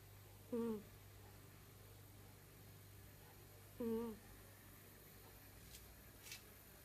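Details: Two brief, high, whistling snorts about 3.3 seconds apart, roughly 18 breaths a minute, in a quiet room: a sleeping cat snoring.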